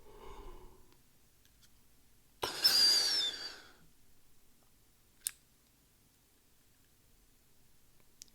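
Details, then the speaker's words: Symbicort (budesonide/formoterol) pressurized metered-dose inhaler demonstration: after breathing out, a sharp spray burst as it is pressed during slow inhalation, then quiet breath-hold and a click; metered-dose inhaler actuation with inhalation. "I'll show you that one one more time so breathing out and then as I'm slowly breathing it back in I press on the inhaler it looks a little bit like this"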